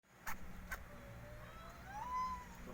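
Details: Pet hamster, likely Syrian, coughing for days; owner suspects a cold, and it later died despite home remedies: two tiny, sharp cough bursts over steady low hum.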